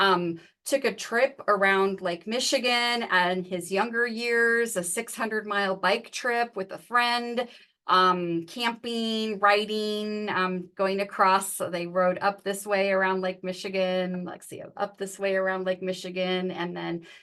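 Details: Adult woman speaking; ordinary speech.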